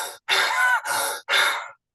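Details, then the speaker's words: Adult imitating Kussmaul breathing of diabetic ketoacidosis: deep, fast, forceful breaths and sighs, like air hunger; simulated Kussmaul breathing. "They could have difficulty breathing or deep breathing, something called kousal breaths. K U SS M A U L. And this is deep, rapid breathing. That almost kind of sounds like this."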